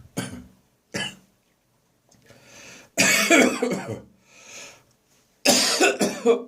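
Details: Adult of Scots descent with a persistent, recurring cough: harsh, forceful coughs with strained retching sounds between them, a coughing and gagging bout.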